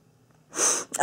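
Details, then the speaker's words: Respiratory tic in a woman with Tourette syndrome during a day of intense tics lasting all night. She reports chest pain and is trying, without success, to slow her breathing. "can't stop it's been all night and my chest hurts I'm trying to is trying to slow breathe but it's not working"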